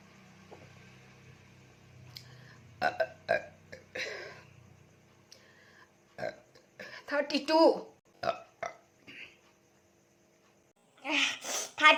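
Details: Burping challenge after drinking Coca-Cola, real burps: several short burps mixed with voices and laughter in a quiet room.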